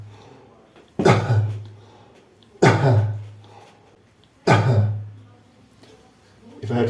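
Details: Adult with limb-girdle muscular dystrophy, weak intercostals and diaphragm drives the wheelchair into a corner so it presses the upper abdomen. This manually assisted cough gives three forceful, voiced bursts, each fading slowly, clearing phlegm.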